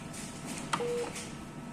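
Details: A single short electronic control-panel beep over room noise during an anesthesia machine full-test checkout.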